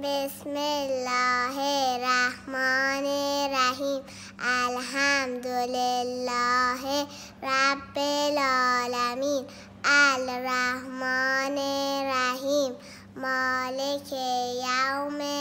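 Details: Child after cleft palate repair, presented as normal speech following surgical repair of the palate.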